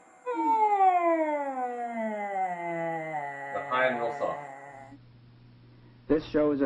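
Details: Female larynx filmed by laryngoscopy during normal phonation; normal voice (phonation).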